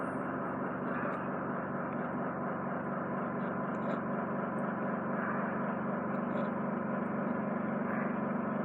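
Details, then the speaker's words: Endoscopic ear microsuction (E-suction) of impacted wax and dead skin from the right ear of a male client, nearly unable to hear, after about 10 days of oil: a steady loud suction hiss and hum with faint crackles as wax is drawn out. "I'm just wriggling it out for you yeah another huge chunk there that's a lot oh Jee"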